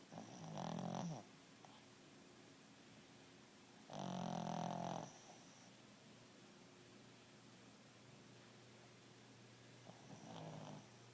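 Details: Three slow, rough, rattling snores about three seconds apart in a quiet room, roughly 18 breaths a minute; snoring.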